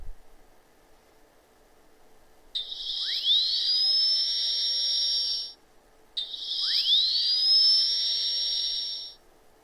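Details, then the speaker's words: Two high-pitched whining bursts rising in pitch as the drill spins up, then cutting off: a dental drill sound effect. "a dentist drill"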